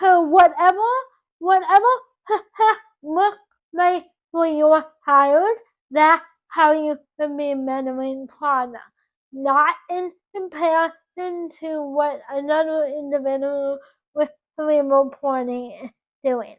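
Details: Dysarthria in a 24-year-old woman with cerebral palsy from oxygen loss to the brain at birth; doctors had predicted she would never talk.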